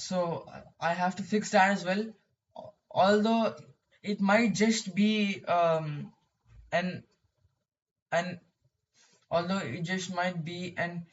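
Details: Male who describes his own stuttering; stuttering.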